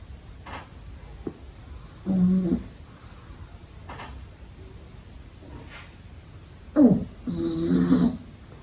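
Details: A pug puppy sleeping during the day: short snorting snores and soft sniffing breaths, ordinary snoring in a flat-faced dog.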